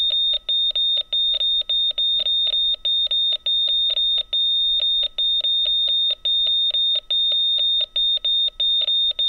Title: Efecto de sonido - Monitor de corazón, Hospital - Sound effect - Heart Monitor, Hospital